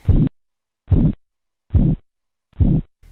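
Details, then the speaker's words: Regular soft swishing beats at about 72 a minute during blood pressure cuff deflation, the sound losing intensity like a murmur or blowing sound; phase II Korotkoff sounds. "El segundo ruido pierde intensidad y suena como un murmullo o soplo, muy identificable."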